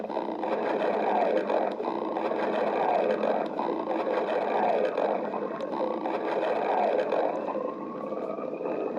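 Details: Badger's stomach growling: continuous low gurgling rumbles with rolling surges; borborygmi.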